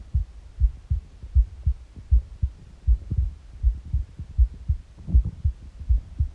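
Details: Normal heart sounds recorded in the morning on an empty stomach: steady, regular lub-dub heartbeat at about 79 beats a minute, with faint gurgling stomach noises.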